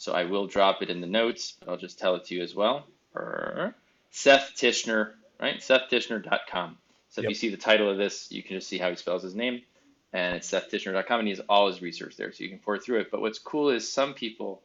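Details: Adult man speaking; typical speech.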